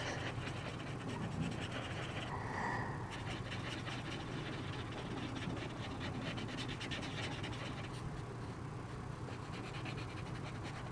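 Low, rough breathing noise from a sleeping dog, with marker scratching in the background; dog snoring.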